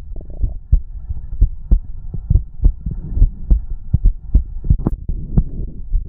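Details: Heartbeat: repeated deep thumps in pairs, about 100 beats a minute, over a low hum, from an ASMR recording of heartbeat and stomach growling.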